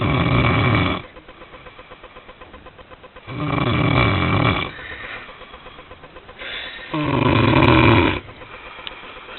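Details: A sleeping person after a night of partying gives loud, rough, low rattling snores about every three seconds, roughly 18 breaths a minute, with quieter fluttering breaths between: snoring.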